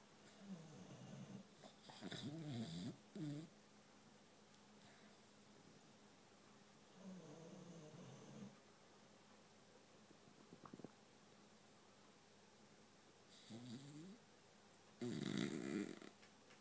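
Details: Sleeping boxer dog snoring on a couch: muffled, gorilla-like snorting, rattling breaths in bursts with quiet pauses between them.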